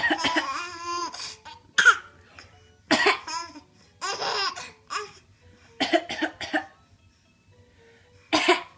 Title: Coughing is hilarious, you guys.